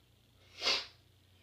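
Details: A single sneeze: a short, hissing burst of air rising and falling in under half a second.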